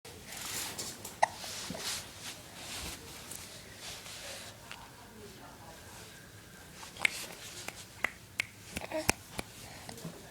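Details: Short sharp catching sounds recurring irregularly over about ten seconds against quiet room noise from a baby girl; infant hiccups.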